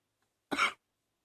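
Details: Person still coughing from allergies: a single short, harsh cough burst in a quiet room.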